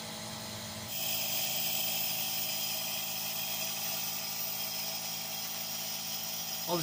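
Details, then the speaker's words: Nursing student's nebulization therapy return demonstration on a role-play patient: air compressor switched on after filling the cup with ordered medication, steady hiss and hum as the nebulizer produces a fine spray for inhalation via mouthpiece. "fill the nebulizer cup with the ordered amount of medication yes turn on the air compressor observe the fine spray from the nebulizer"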